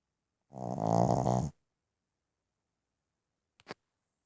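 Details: Snoring from a sleeping one-year-old Boston terrier.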